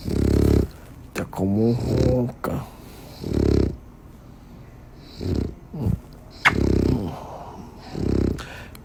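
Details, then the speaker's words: A sleeping dog snoring: rhythmic, low, rumbling snores with snorting breaths, about one every two to three seconds, in a quiet room. "Olha meu Boizinho misericórdia paz como vai ser ronca"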